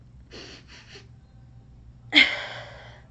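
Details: Adult woman with Tourette syndrome, whose tics rose after grief and stress: a respiratory tic of three quick breathy puffs, a pause, then one sharp, forceful gasp-like breath noise.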